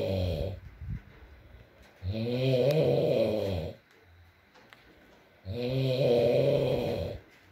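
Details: ASMR recording of a sleeping man (boyfriend) snoring, with rain in the background: two long, loud, rumbling snores about three and a half seconds apart, with soft background noise; snoring.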